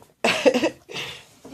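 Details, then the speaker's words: Grandmother's single loud, explosive sneeze that could pass for a harsh cough, then a softer trailing breath: sneeze. "um grandma don't sneeze like that"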